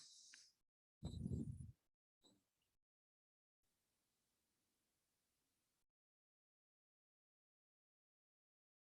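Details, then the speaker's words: Dry rhonchi on chest auscultation, as in bronchitis: brief low-pitched rattling rumble, clear on inspiration and prolonged on expiration, from secretions in larger airways; lower-pitched than wheeze. "itu tadi suara ronki ya atau ronki kering yang selanjutnya ya"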